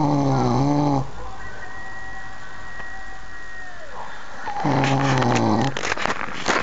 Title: How can one so gorgeous snore so loud, lol